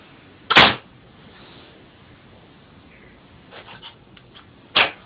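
Two short, sharp sneezes from a cat, a few seconds apart, with quiet rustling between them.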